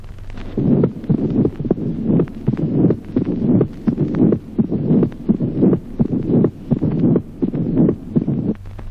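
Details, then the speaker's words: Heart sounds at about 85 beats a minute with a loud, booming, reinforced first heart sound in mitral stenosis. "Reforzamiento del primer ruido. Ejemplo vio. Primer ruido retumbante en la estenosis mitral."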